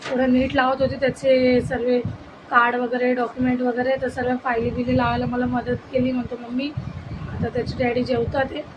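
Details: Adult woman speaking; normal adult speech.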